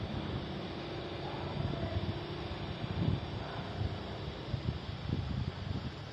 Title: weird noise of my nasal oxygen cannula|| did use mask though at the starting but too painful